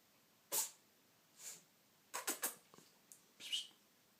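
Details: Animal sneezing: several short, hissing bursts of air, some in quick runs, against a quiet background.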